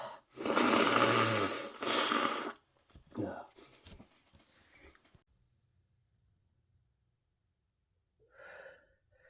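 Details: Two forceful, hissing sneezes in quick succession, then sniffs and breaths, from a person with a cold; sneezing.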